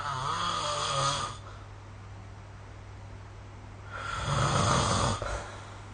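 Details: Snoring recorded with the SnoreLab phone app: two loud, rough snoring breaths with a steady low hum between them; typical adult snoring.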